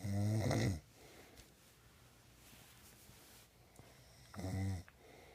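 Two loud, rattling, buzzing inhalations several seconds apart with quiet breathing between; an adult snoring.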